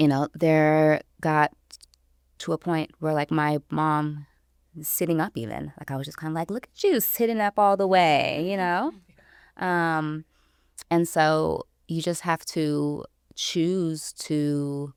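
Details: Stuttering in an adult woman, about 29 or older, who self-identifies as a person who stutters; stuttering.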